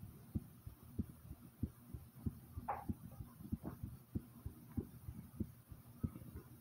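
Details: Own heartbeat recorded starting slow then rising: steady, regular lub-dub at about 95 beats per minute, with a faint rustle partway through; heartbeat.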